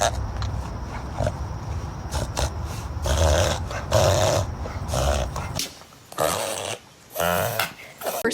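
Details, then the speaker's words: Dog reverse sneezing (paroxysmal respiration): rapid, repeated snorting, honking inward breaths through the nose. "don't worry it's probably a reverse sneeze does your dog do this that's the reverse sneeze"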